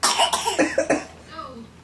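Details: A young child who has just learned to cough deliberately gives a quick run of about five short, fake coughs on request, then a brief trailing vocal sound.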